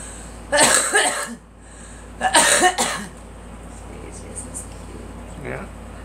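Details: Girl: two short bouts of harsh, voiced coughing over a steady background hum.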